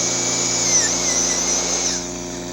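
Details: Stainless steel crown preparation on a five-year-old boy's carious mandibular primary molar, rounding mesial and distal line angles: loud shrill dental drill whine with wavering pitch as it cuts, fading as the drill eases off.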